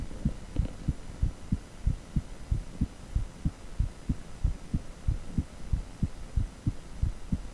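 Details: Heartbeat (echocardiogram Doppler audio).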